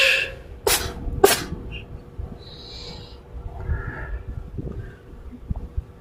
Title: Sneezing cat